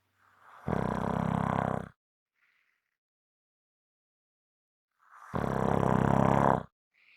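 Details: Strong snoring: loud, harsh rattling snores on each in-breath, about every four and a half seconds, with quiet out-breaths.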